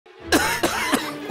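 Three short, dry, repeated coughs from an adult, acted for a commercial.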